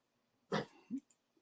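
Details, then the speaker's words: Pet dog coughing attack: two harsh, hacking cough bursts in a quiet room; she has been sick, and the owner suspects pneumonia, though she has no diarrhea and a good appetite. "hope you can't hear that but that's Yuki's having her coughing attack again Yuki my dog Yuki is has been sick"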